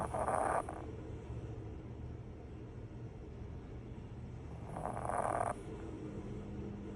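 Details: Sleeping pug: two short, honking, snorting breaths about four seconds apart over steady room noise; snoring.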